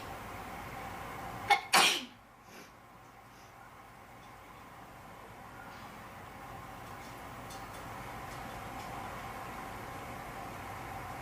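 Quick intake of breath, then one sharp, explosive sneeze, followed by quiet room noise; an ordinary induced sneeze.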